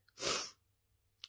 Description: A compilation of sneezing fits